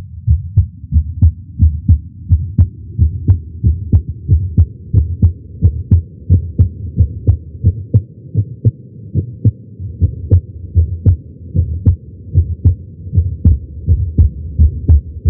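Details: Heart sounds recorded with a Stemoscope electronic stethoscope at the tricuspid area while lying on the chest during chest pain; about 88 beats a minute with a steady low hum beneath the beats.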